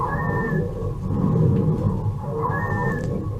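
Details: Simulated child, auscultated from the back on a virtual simulator: harsh, rumbling breath noise with brief high whistling dry wheezes each breath and scattered crackles, fitting acute bronchiolitis.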